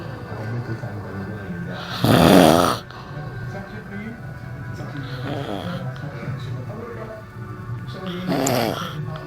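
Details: Person snoring in a theatre crew room before work: two loud, rough snores several seconds apart over room noise and faint background talk; ordinary snoring.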